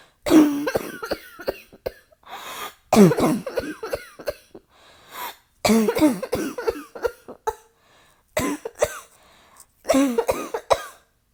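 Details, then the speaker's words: Acted roleplay of an asthmatic girlfriend whose cough is triggered by cigarette smoke, with chest tightening: repeated harsh coughs, throat clearing and gasping breaths between bursts, a coughing fit. "babe stop it you're making my cough worse"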